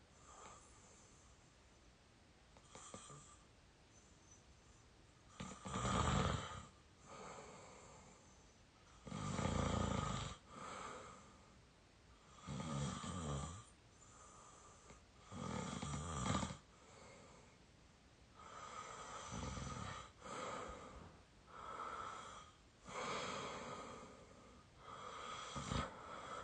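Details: Snoring from a very tired 22-year-old: loud, rough snores recurring about every three seconds with quiet pauses between, in a small quiet room.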